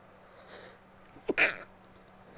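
A faint inward catch followed by a brief, muffled hissing burst: a suppressed sneeze held back with a closed mouth.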